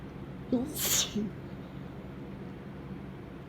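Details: Single short, hissing sneeze with a brief sharp lead-in on a warm, dry summer afternoon, then quiet room noise; sneeze.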